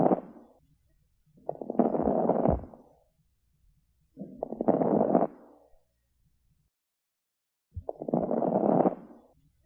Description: 청진 시 들리는 악설음(Crackles heard on auscultation)